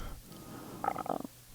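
A brief gurgling, bubbling growl lasting about half a second rises over quiet room noise: an ordinary stomach rumble (borborygmi).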